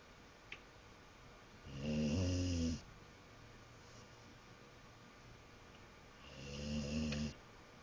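Two low, rattling snores about five seconds apart, on each breath in, over quiet room noise: snoring.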